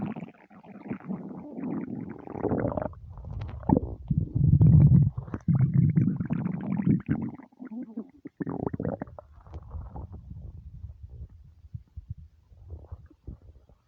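Long, loud, continuous low rumbling and gurgling with a few squeaky stretches; typical hunger rumbles of the stomach.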